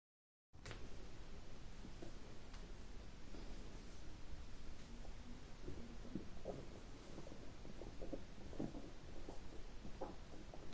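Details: Bowel sounds recorded in part 1 of a colon therapy clip: low, continuous gurgling with scattered short squelches and pops, like ordinary stomach rumbling.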